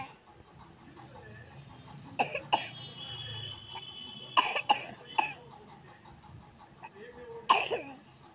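A child gives about six short, sharp coughs in clusters, a dry cough typical of a cold.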